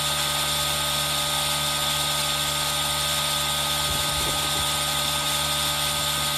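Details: Aerosol nebulizer running: steady hissing, buzzing motor hum, mixed with a constant added rain sound; relaxation ASMR recording made with a Zoom H1n recorder.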